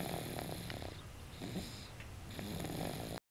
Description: How loud her snoring is!